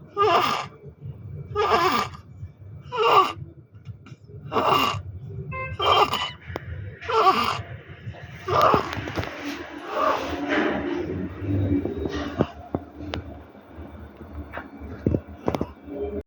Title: Neonatal Stridor.